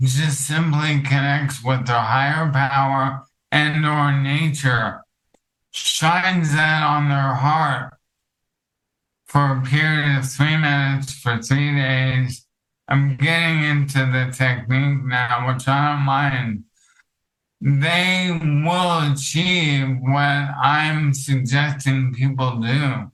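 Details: Adult male with ALS affecting his vocal cords, which makes talking for long periods difficult and has reduced his speech clarity; finding: dysarthria (ALS).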